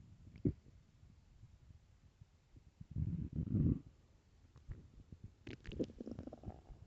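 Low gurgling rumbles and bubbling from the belly in irregular bursts; stomach growling from an empty stomach, a normal sound.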